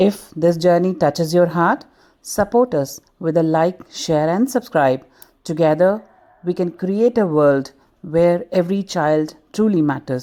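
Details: Adult woman; plain speech.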